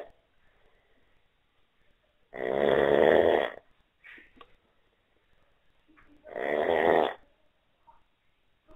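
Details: Terrible snoring from someone sleeping in a shared room: two loud, rattling snores on the in-breath about four seconds apart, with quiet between them. Heavy snoring.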